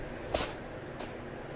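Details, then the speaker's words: A cat with a cold sneezes twice right beside the camera: two short, sharp, airy bursts close to the microphone. "hope y'all can hear that. Aw, poor Chloe. She's got a cold."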